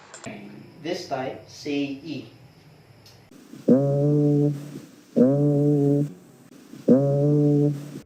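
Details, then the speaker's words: Patient asked to say "ee" during chest auscultation: the sustained vowel is transmitted as a nasal "a" instead of "ee", suggesting consolidated lung. Egophony. "e sounds like a with nasal quality as in this example agophony is present"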